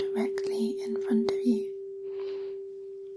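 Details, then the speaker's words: Tuning fork tone in a simulated ASMR hearing test: steady pure ringing of a struck fork under soft whispered speech, for a sound localisation check of left, right or directly in front. "you can hear the sound of the tuning fork on the left of your head the right of your head or whether it feels like it's directly in front of you"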